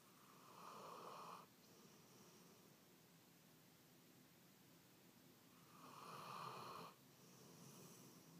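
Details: Snoring while asleep on a pillow in bed: two rough, rattling breath sounds about five seconds apart with quiet between them.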